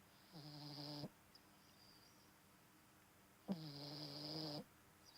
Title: Snoring Bulldog Puppy